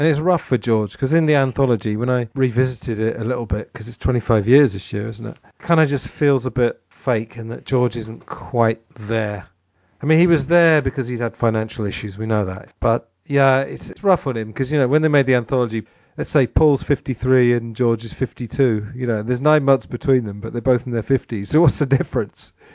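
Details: Adult male speaker, podcast conversation; normal conversational speech.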